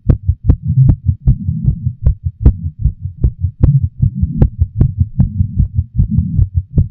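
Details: Self-recorded racing, forceful heartbeat during intense arousal and orgasm, with moaning; loud pounding beats about 150 a minute, slightly uneven with at least one skipped beat, thundering throughout the 10 minutes.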